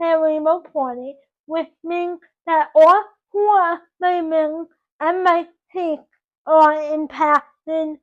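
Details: 24-year-old woman with dysarthric speech from cerebral palsy caused by oxygen loss to the brain at birth; doctors predicted she would never talk.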